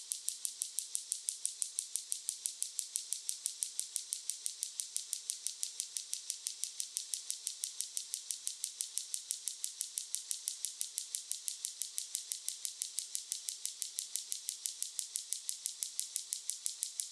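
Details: Extracorporeal shockwave therapy device demonstrated on a patient before treatment, after gel is applied: sharp, evenly spaced clicking pulses, about 51 a minute, described as somewhat loud.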